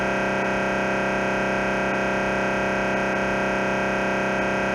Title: MRI T1 AXL MRI Sound